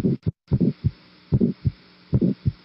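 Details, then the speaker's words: Regular heartbeats with a loud second heart sound, identified by not coinciding with the carotid pulse, and a very small, soft ejection systolic murmur, in a cardiac auscultation lecture; ejection systolic murmur with loud S2. "اعتقد مفيش اوضح من سكند هارت ساوند عالي زي ده"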